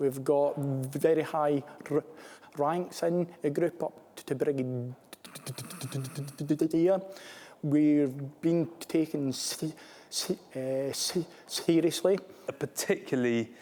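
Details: Adult male army commissioned officer who stammers; stammering.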